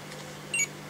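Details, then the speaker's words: Brand-new pressure-relief air mattress alarming for low pressure with a red warning light: a single short, high electronic beep over quiet room hum; air mattress low-pressure alarm. "so it's beeping we don't ever want to see this the brand new plumbing mattress is alarming is tired tummy is low pressure don't ever want to hear that sound"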